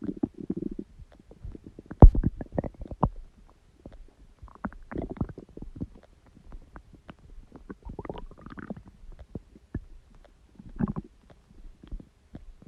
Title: Stomach Growling Sound | My Stomach Makes Noises